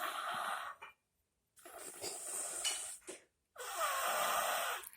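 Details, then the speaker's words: Young child asleep in a chair, stacked with another child and described as snoring louder than grandpa: loud, rough breathing in repeated cycles with brief pauses; snoring during sleep. "this is the loudest snoring child you will ever meet in your life this is miss zion i want to get a close-up cause i want y'all to know this is the loudest snoring child"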